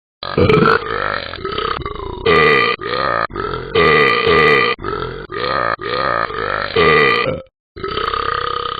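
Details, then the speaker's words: Simulated burping from a cartoon dog character in a game app: a string of loud, drawn-out, croaky comic burps with brief gaps. "Excuse me. Ben? Your burp is so cool."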